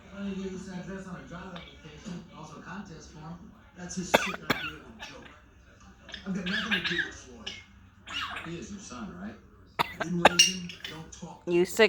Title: coughing parrot